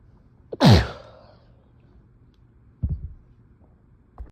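One loud, wet, explosive sneeze followed by a softer snort or sniff in a quiet room.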